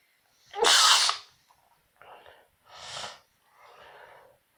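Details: Self-induced sneezing: one loud, explosive adult sneeze followed by three softer bursts of breath and sneezing.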